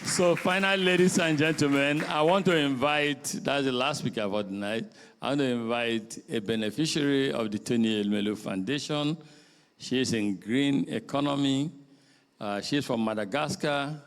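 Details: Adult male speaker; normal voice.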